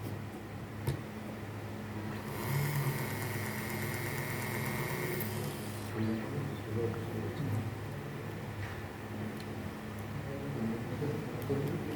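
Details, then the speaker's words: Dental implant drill with a lateral cutting drill preparing a full-length osteotomy in the mandible on a preclinical model, implant 4.4 diameter: steady high motor whine over room noise during a simulated implant site preparation. "right so that lateral cutting drill facilitates you to do the lateral preparation and correction of the angulation okay so you just place it stabilize it okay you complete the osteotomy yeah it has to be full length"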